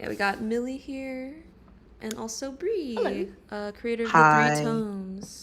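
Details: Adult speaker; normal voice.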